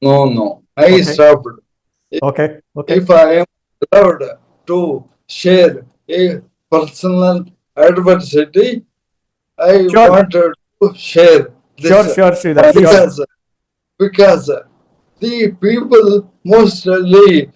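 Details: Adult man, a corporate strategist of 30+ years, ill since 2022: Parkinson's, diagnosed late, then ALS (motor neuron disease) diagnosed last year; mobility and speech very severely affected; dysarthria (ALS).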